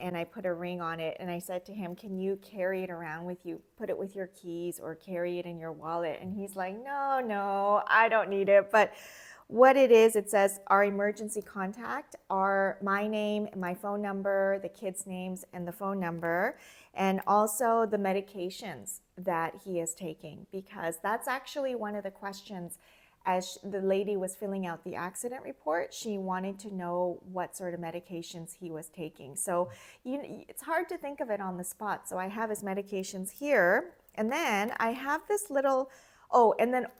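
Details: Adult woman speaking; no speech disorder.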